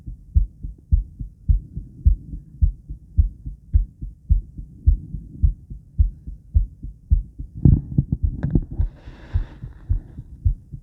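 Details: Female heart sounds around 50 squats, recorded by the woman herself with blood pressure and recovery: strong regular paired thumps at about 107 beats a minute with brief rustling midway; normal heartbeat, quickened after exercise.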